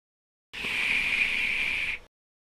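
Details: Adult male with a tiny central velopharyngeal opening (VPI), air escaping through the gap; nasal air emission from velopharyngeal insufficiency.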